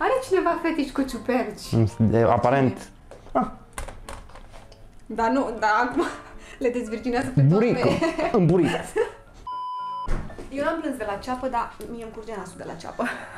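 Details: Adult speakers in conversation, with background music and a censor beep; normal speech.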